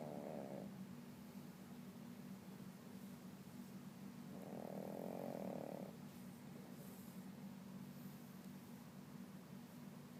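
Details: Sleeping dog: two soft, fluttering snores about four seconds apart over a constant hum; ordinary snoring.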